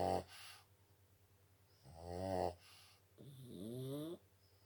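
Loud, rattling snores come with each breath, some with a rising whine, at about 26 breaths a minute: a dog snoring in sleep.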